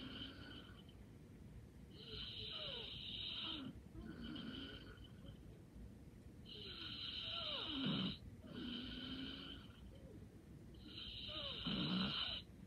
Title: Light snoring and sleeping soundly😴